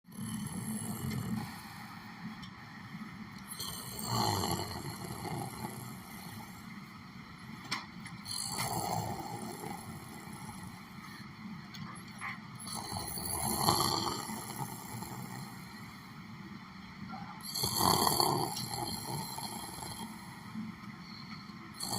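Rough, noisy snoring breaths recur about every four and a half seconds over steady room noise.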